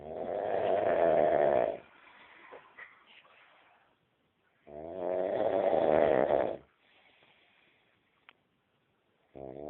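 Loud rattling snores on each breath, about two-second bursts with quieter exhalations between, roughly 13 breaths a minute.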